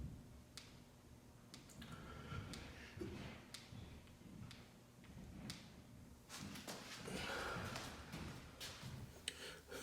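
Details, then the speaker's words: Sharp, irregular clicks from the left shoulder of a 261-lb arm-wrestler with a nagging shoulder injury, heard during pressing exercises against room noise and effortful breathing: shoulder clicking. "just so you can hear uh what it sounds like when you have a bit of a a nagging nagging injury you're actually going to hear my left shoulder clicking"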